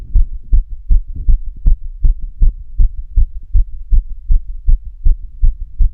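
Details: Strong, regular thumping heartbeat at about 155 beats a minute, recorded during physical activity: a fast but steady heart rate.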